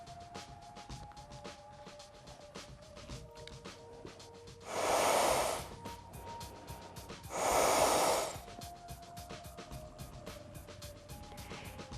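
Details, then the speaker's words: Practi-MAN CPR training manikin, mouth-to-mouth demonstration: two forceful rescue breaths, each about a second long, over faint background music. Rescue breaths into CPR manikin. "I know I will not be able to inhale air from the lung bag either my own air or that of other students this is because our special valve system prevents air from escaping through the mouth"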